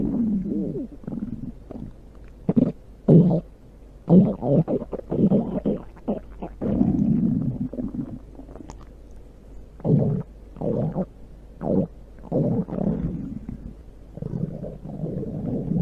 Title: Stomach growl (big sound)